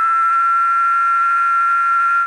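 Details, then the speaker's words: Simulated buzzing tinnitus, described by patients as cicada-like: a steady, high, buzzing tone with a rough edge, heard without any external source. "sim sim paciente geralmente ele refere como é um zumbido do tipo a itu cigarra"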